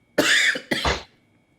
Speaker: Ooh, I am losing my voice right now.